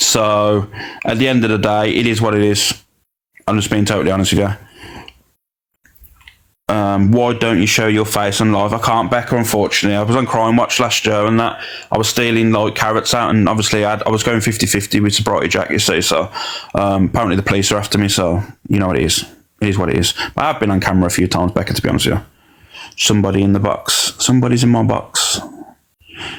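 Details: Adult male speaker; ordinary speech.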